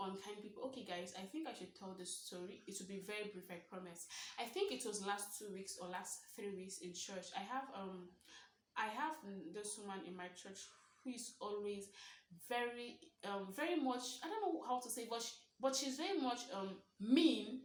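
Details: Stuttering (stammering) in an adult woman of about 23 who identifies as a stammerer, speaking naturally about her own experiences; real, not acted.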